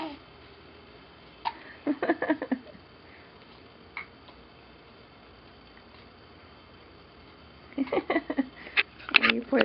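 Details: Baby girl who gets hiccups all the time: short, sharp, squeaky catches of breath in irregular bursts in a quiet room; infant hiccups.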